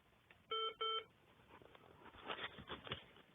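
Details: Electronic beeping over quiet room noise from a pump the speaker is tethered to, beeping to signal he is on the line; the finding names it an infusion pump alarm.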